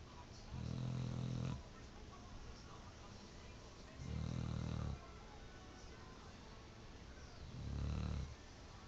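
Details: Pit bull dog napping: three deep, low, buzzing snores about 3.5 seconds apart, roughly 17 a minute; steady snoring.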